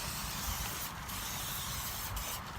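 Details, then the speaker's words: Antiseptic spray on open skin wounds on a horse's leg during grooming: short hissing spray-bottle bursts over steady low background noise. "I'm gonna see if I can get some antiseptic spray on her leg I just want to make sure I get enough antiseptic spray to cover all the areas"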